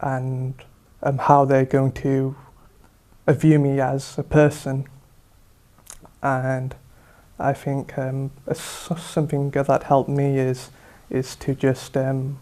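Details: Young person with stuttering (stammering), member of a self-help group; says they used to care a lot about what people thought of their stammer.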